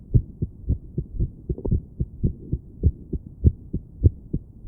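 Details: Woman sitting on her bed, listening to her own heart with a stethoscope while trying to breathe slowly: low heart thumps about 100 a minute with uneven spacing between beats; irregular heartbeat.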